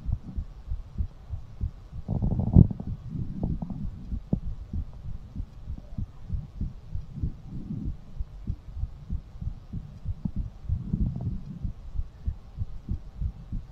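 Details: Fast heartbeat after exercise, ASMR recording: rapid, steady low thumping heartbeat; normal quickened rate following exertion.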